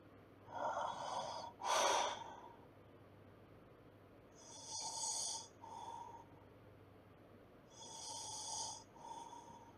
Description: Snoring sounds noise. For stress relief or reducing and sleep.